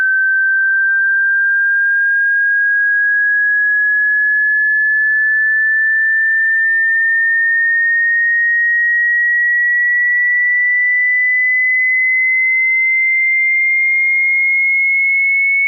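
A steady pure tone slowly rising in pitch across the whole clip; a hearing test frequency sweep.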